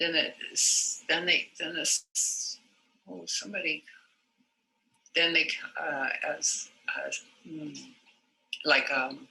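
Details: Person with aphasia retelling a story, unable to retrieve a target word: circumlocution in aphasia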